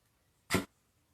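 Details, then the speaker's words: Small pet dog making little pig-like snorting noises: a single short, sharp nasal burst, consistent with a sneeze or snort. "gizmo making all that noise right guys gizmo he's making like these little pig noises snorting he is a pig"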